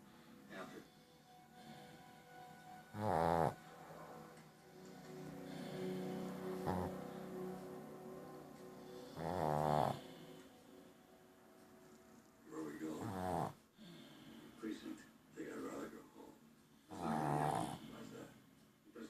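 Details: Little white dog snoring, first mistaken for a grandfather's snoring: short snorting snores every few seconds over soft background music and TV dialogue.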